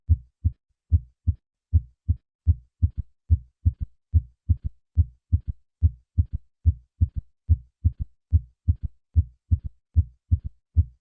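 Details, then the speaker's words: Third heart sound (S3 gallop): three normal beats, then an added S3, heard best at the cardiac apex with the bell, patient in left lateral position; over age 40 usually indicates decreased left ventricular function. "The third heart sound is heard best at the cardiac apex with the patient in the left lateral position. In those over the age of 40, a third heart sound usually indicates decreased left ventricular function."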